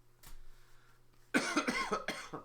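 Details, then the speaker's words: Persistent post-infectious cough in an adult, after a stomach bug, a hernia from vomiting and a further illness; a subtle but lingering cough still present after about two weeks, earlier much worse. "Like, I still have this, like, cough that won't go away, as you can hear. It's just, like, before it was way worse. Like, now it's, like, a very subtle cough"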